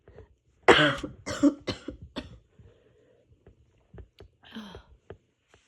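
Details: Self-induced sneezing fit in a person recovering from a cold, with an itchy nose and voice not yet back: a rapid run of four explosive sneezes, then softer breathy bursts and sniffs.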